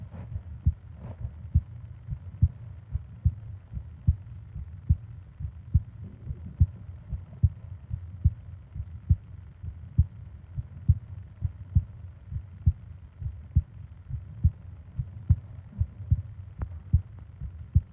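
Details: Normal heart sounds: steady, low thumping at about 73 beats a minute with soft breathing in the background, from a 20-minute ASMR sleep-aid recording of heart and breathing sounds.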